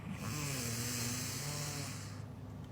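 A single long, low buzzing snore lasting about two seconds, with a rattling vibration and breathy hiss, then quiet room noise. Snoring.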